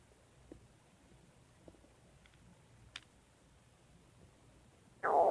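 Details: Faint, scattered clicks and gurgles from the belly in a quiet room, ending in a louder rumble; bowel sounds (borborygmi).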